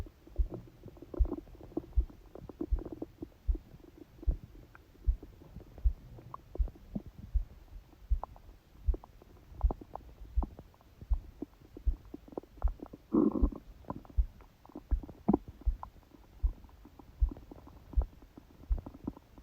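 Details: Person asleep, phone held on the belly by a book, recorded for 10 minutes: low rumbles and gurgles with scattered soft pops, normal stomach growling (borborygmi); the heartbeat was also unusually loud and fast.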